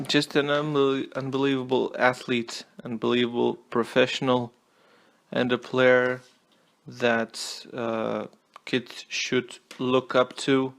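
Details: Stuttering in an adult male non-native English speaker recording a tennis player review; he apologizes for his stutter and notes he only started recording a couple of days ago.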